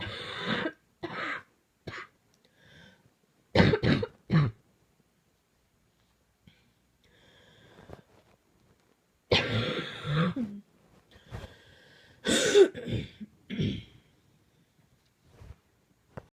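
Repeated harsh cough bursts, some in quick clusters, broken by pauses and throat clearing across a prolonged night-time coughing fit.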